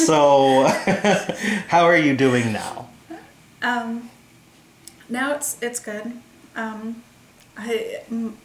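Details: Adult speakers in conversation; normal speech.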